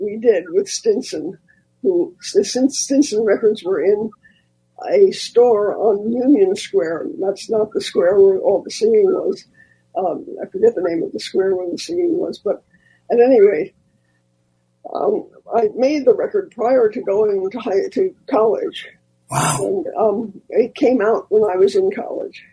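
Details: Adult male with dysphonia after recently losing a vocal cord; the loss was not caused by his polio in 1948, and he previously sang.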